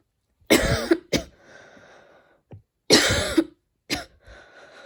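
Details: Two coughing bouts while studying, each a harsh, throaty cough followed by a shorter second cough, quiet pause between; cough.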